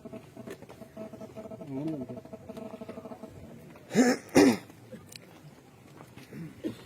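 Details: Low throaty clearing then two sharp quick coughs from an adult man speaking at a gathering who says his throat is bad and his voice has gone hoarse: cough and throat clearing.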